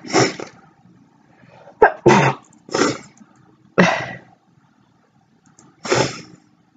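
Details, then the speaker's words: Young woman sneezing: five separate sharp, noisy sneezes over several seconds with quiet gaps between them. "Man. I have to sneeze. Excuse me. Okay, I think we're done sneezing."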